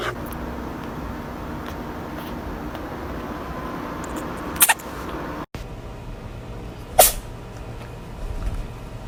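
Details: Cat sneezing: two short, sharp sneezes over steady background noise.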